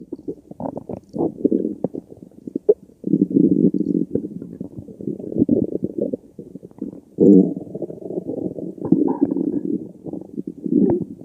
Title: stomach growling